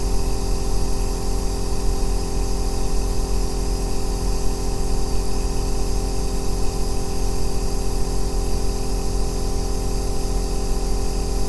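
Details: Aerosol nebulizer running continuously, recorded as ASMR white noise for sleep and relaxation: a deep, steady rumbling bass drone with a faint hiss.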